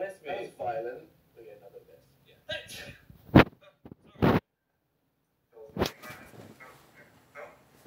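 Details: Sneezing amid speech and laughter: about three sudden, sharp, explosive bursts of air, each a brief sneeze.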